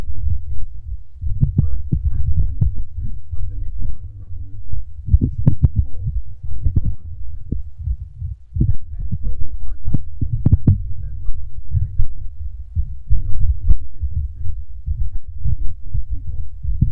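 Rapid, muffled low thumps of an adult heartbeat, closely spaced and quicker than a resting rhythm.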